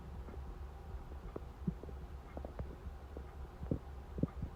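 Faint irregular gurgles and low rumbles from the belly over a steady background hum; ordinary hunger stomach rumbling.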